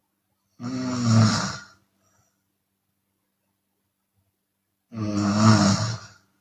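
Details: Chinese woman snoring with open mouth, sometimes on the exhale: two loud, harsh, throaty snores about four seconds apart with silence between; open-mouth snoring.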